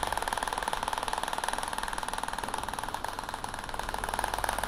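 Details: Shock wave device on the Achilles tendon at high power the patient can barely stand, over gel, avoiding bone, 2,000 shots: rapid, steady tapping about four pulses a second with constant device hum.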